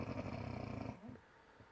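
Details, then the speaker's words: A sleeping baby snoring: one low, rattling snore lasting about a second, then quiet breathing; filmed because the snoring was loud. "Maybe you wake yourself up snoring. Darling? Darling? You're snoring."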